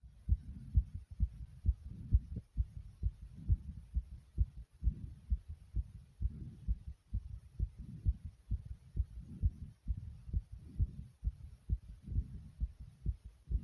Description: My heart is beating very hard in my chest due to squats.